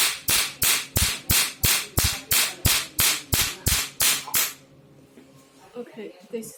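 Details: Handheld pico laser firing with the 755 nm tip, demonstration: thirteen sharp, regular snapping pulses about three per second, then quiet; pico laser firing.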